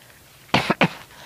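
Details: Elderly grandmother, currently unwell and recovering, who mentions her medication, coughs twice, quick and forceful, in a quiet room; a short harsh bout without wheeze.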